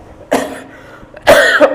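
Two short, harsh adult coughs separated by a brief pause, in a quiet room; an ordinary incidental cough.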